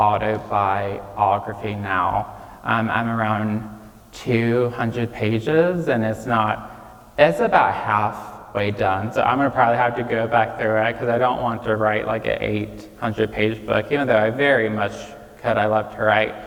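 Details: Real recording of a 26-year-old man with childhood apraxia of speech, diagnosed at age five after not speaking until then; he says it may take him a moment to say things.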